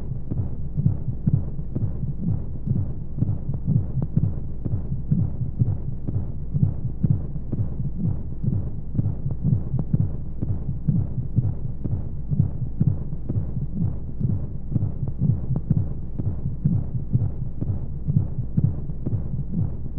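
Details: Womb sound played as a baby sleep aid: steady, muffled low thumping at about 125 a minute with regular rhythm under a soft whooshing hum of white noise and flowing sounds; heartbeat.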